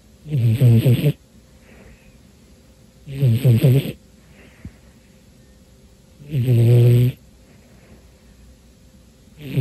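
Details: A pet cat in deep sleep on a tiring afternoon snores loudly and regularly at about 20 breaths per minute, each rough inhaled snore followed by a quiet exhalation; he usually snores when asleep.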